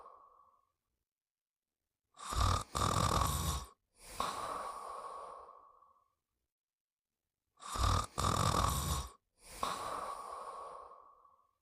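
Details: Snoring while sleeping: two rough snores about six seconds apart, each a harsh snorting inhale followed by a long rasping exhale.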